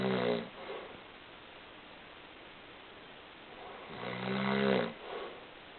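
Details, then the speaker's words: Father who snores a lot, recorded while asleep: two rough, low, rattling snores on inhaling, about four seconds apart, with quiet breathing between; ordinary snoring in sleep. "snoring I'm the only one in my family that doesn't snore sometimes beses my sister my little brother snes"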